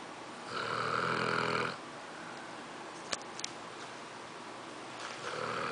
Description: My English Mastiff is snoring and sleeping in a funny position